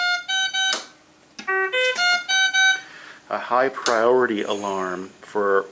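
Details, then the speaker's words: Ventilator high-priority alarm, demonstrated as a high peak pressure alarm, meaning volume is not delivered to the patient. A loud repeating sequence of electronic tones, then a tonal, voice-like passage. "here is what a high priority alarm is going to sound like"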